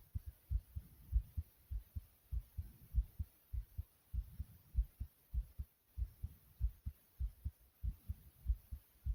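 Strong, regular low thumps in lub-dub pairs at about 100 beats a minute: a quickened heartbeat after exercise.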